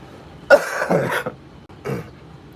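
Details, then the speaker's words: An adult who is sick gives two rough, raspy coughs with a rattly quality, as if loosening mucus from the sinuses and throat; a wet raspy cough. "yeah, if you can hear that cough's got like that raspy cough, the cough where you're like breaking up disgusting junk inside your sinuses and throat, esophagus, all that goodies, all the good stuff, you know."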